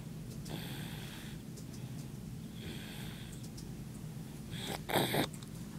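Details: Snoring while asleep at the office: rough, snorting breath noises about every two seconds, roughly 30 a minute, against a low room hum.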